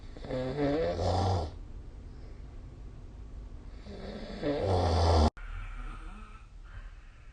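Two loud, rattling snores on the in-breath, about four seconds apart, with quiet breathing between them.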